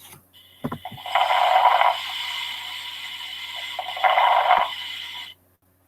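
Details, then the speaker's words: Crackles, formerly called rales, in a lung auscultation teaching recording: discontinuous, discrete sounds mainly during inspiration, as seen in pneumonia and pulmonary edema. Two noisy breaths with fine inspiratory crackling. "los crepitantes que anteriormente se llamaban estertores son ruidos que se que se escucha más que todo durante la inspiración y pueden ser discontinuos y discretos estos pueden estar presentes en neumonía y en un edema de pulmón"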